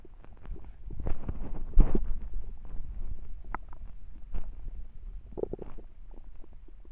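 Low, soft rumbling with scattered gurgles and pops, typical of a hungry stomach growling.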